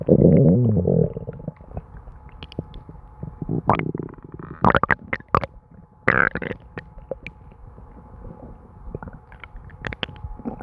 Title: My stomach gurgling and bubbling [Constant stomach noises]